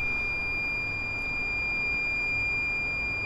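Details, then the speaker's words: IV drip infusion pump alarm at a hospital for a patient hospitalized with trouble keeping food down, possibly heat-induced: steady high electronic tone over low room hum; the machine reportedly goes off often. "sy's on like an IV drip the little alarm was going off and I'm like I don't know I don't know what that is so I had to had to call them"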